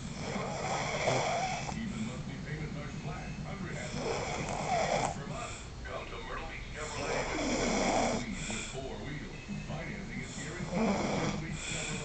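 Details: Rough, rasping snores every few seconds over steady background noise; snoring.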